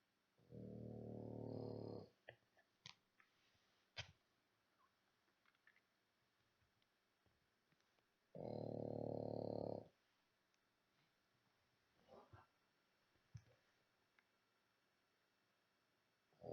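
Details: Sleeping dog snoring: two long, loud, rumbling snores several seconds apart with quiet room sounds between.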